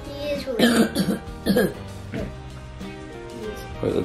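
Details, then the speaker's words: A boy who is genuinely sick with croup, not faking, gives several harsh, voiced cough bursts over background music; a croupy cough. "Wait, let's hear that cough again. Let's see if that's a made-up cough."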